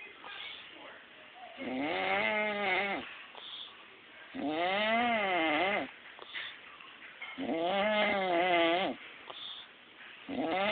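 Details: Adult man, a brother-in-law: loud, rhythmic, tonal snores, about 20 per minute, each with a wavering, almost bleating pitch, separated by quieter breathing; snoring.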